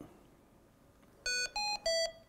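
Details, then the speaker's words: High-priority alarm on a HAMILTON-T1 ventilator, shown with the red lamp lit: loud, sharp electronic tones in a falling-then-rising sequence, a series of five beeps that repeats, over a quiet room. "a high priority alarm will eliminate the red lamp"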